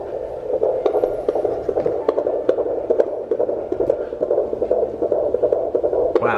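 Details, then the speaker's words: Home fetal Doppler at 13–14 weeks of twin pregnancy, one twin's heartbeat: rapid, regular whooshing pulses about 145 beats a minute, loud and strong, normal range. "that's really loud that's a strong heart"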